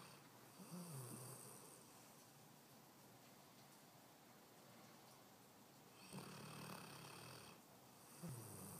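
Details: A dog snoring: soft rattling snores with each breath, two or three over about nine seconds, against steady room noise.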